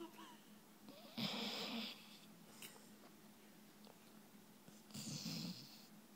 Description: Our Brittany Spaniel snoring away in dreamworld